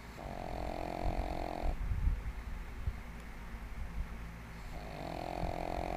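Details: Snoring in a sleeping 1½-year-old pug: loud, rattling snores with a buzzing tone, about two in six seconds, separated by noisy breathing.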